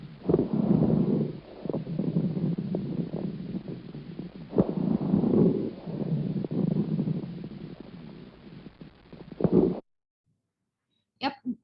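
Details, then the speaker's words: Coarse crackles: low-pitched bubbling, popping sounds across breathing cycles, suggesting fluid or secretions in larger airways. "all right so there's also the coarse crackles or ronki basa and this is different with the previous one it's this"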